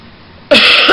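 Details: Adult with swollen glands, who calls it a whooping cough and has taken NyQuil, gives a single short, harsh cough after a brief quiet moment; cough.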